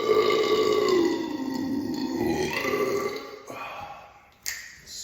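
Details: Burping right after chugging an Oxyshred drink: a long, loud, rumbling belch trailing off over about three seconds, then a brief click.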